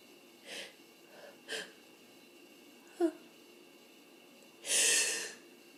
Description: Today hayfever has been killing me and I have a funny feeling that I'm getting a cold on top of it too... so that makes for very frustrating, itchy, tickly sneezes which often get stuck with false starts, yaaay.